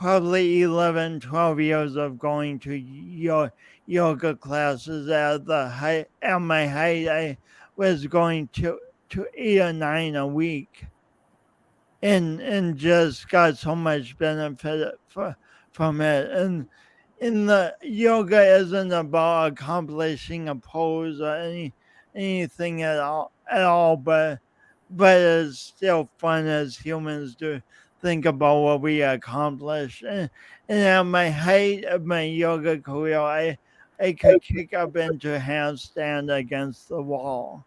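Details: Man's real, lifelong speech impediment with coordination differences, self-described; he says years of practice may have made him clearer but the differences persist; speech impediment with disfluent speech.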